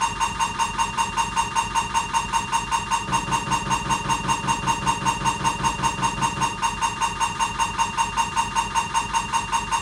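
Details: Siemens MAGNETOM Lumina 3 T MRI scanner running an abdominal diffusion-weighted sequence: loud, rapid, regular mechanical knocking at about 154 pulses a minute, with a steady buzzing tone.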